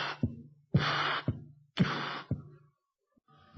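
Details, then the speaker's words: Stethoscope auscultation over the cardiac apex of a double mitral lesion murmur, a combined mitral regurgitation and mitral stenosis murmur, described as like mitral regurgitation but with the first heart sound appearing. "so what is a double mitol without tumbling it is like G but appearing of first sound on mitro G murmur convert it into double mitro listen carefully mitro g double mital"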